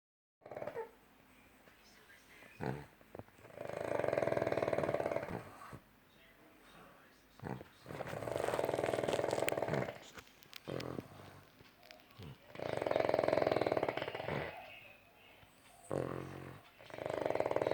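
Four loud, rattling, drawn-out snores, each about two seconds, with quieter breaths between; roughly 13 snores a minute.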